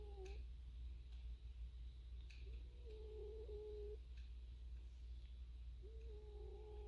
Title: cat snoring